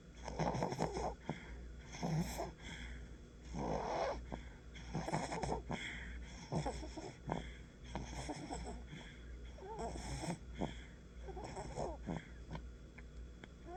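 Repeated fluttering, rattly snores from a sleeping animal, a harmless ordinary snore.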